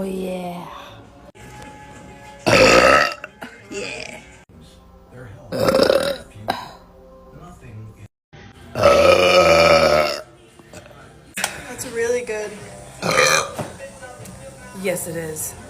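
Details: Young woman deliberately burping after drinking flavored drinks: several loud, drawn-out deep burps with quiet gaps and faint background music: voluntary belching.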